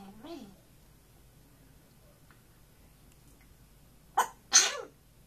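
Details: African grey parrot, camera shy, after trying to sing: a faint vocal sound, a quiet pause, then two sharp sneezes close together.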